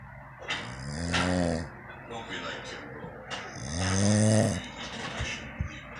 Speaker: This is my husband, and he snores like a gorilla.